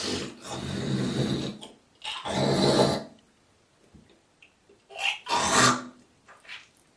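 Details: Girl coughing, hawking and spitting: long harsh guttural hawks, then shorter rough bursts and faint spitting noises; forceful throat clearing.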